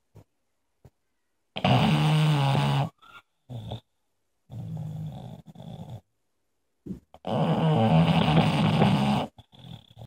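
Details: Sleeping dog: loud rattling snores on each in-breath with quieter breaths between; snoring.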